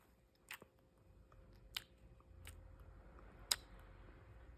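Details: Pet hamster grinding its teeth (bruxing) continuously while its owner kisses it: faint, irregular, sharp clicking and scraping sounds over a quiet room hiss.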